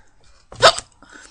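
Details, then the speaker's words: Girl with a bout of hiccups while answering questions: one sudden, sharp, loud hiccup with a brief catch of breath; she reports getting them randomly. "hey guys so this is going to be a hiccup video I just got the hiccups and I need to do a hiccup video"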